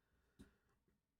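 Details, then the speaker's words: Vocal tic in a person with Tourette's during a live stream, who says they are very "ticky" today: two abrupt, brief vocal noises, a faint one then a louder hiccup-like burst, a simple vocal tic. "Sorry, I'm like so ticky today."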